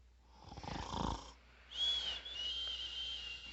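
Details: Father asleep and snoring, filmed by family trying to wake him: a rough, fluttering snore followed by a high whistling sound on the next breath; snoring.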